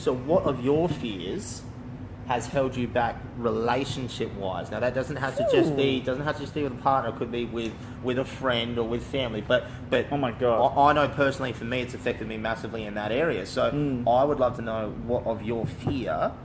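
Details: Adult male speaker; speech.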